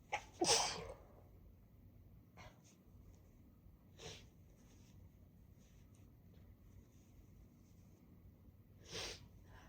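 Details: Sneezing in a congested person after snuff (chhinkni) in the blocked right nostril, then sniffing the bottle: one strong sneeze, several quieter sniffs, then a softer second sneeze.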